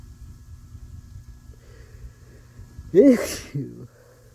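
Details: Induced sneeze to clear congested sinuses after flower exposure: quiet lead-in, then one loud, explosive sneeze with a short voiced tail; sneezing.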